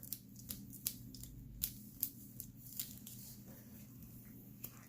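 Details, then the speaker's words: Surgical rasp filing down the bone of a painful baby-toe (fifth toe) bone spur under a years-long interdigital corn, pulverizing bone to create a cavity: irregular scraping strokes about once a second over steady room hum; bone rasping. "s like this and you in your rasp down the bone anything so what it does is it basically pulverizes the bone and you want to take off enough so that it's gonna create a cavity"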